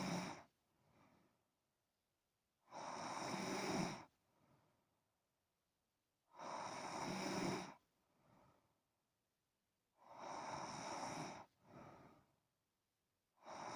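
Loud, rough snoring on each breath in, with a softer breath out, about 16 breaths a minute, steady and regular.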